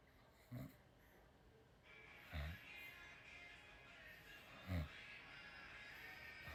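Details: Sleeping pet spider monkey snoring: three short, low snorts over a quiet hiss of background noise; snoring.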